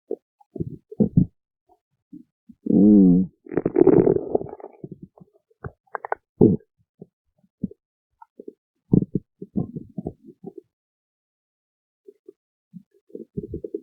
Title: stomach growling